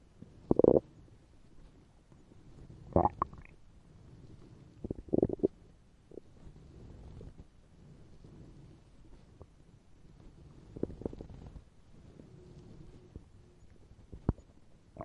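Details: Stomach growling in a role-play recording meant to suggest hunger from not eating that day: intermittent gurgles and low rumbles over a quiet background.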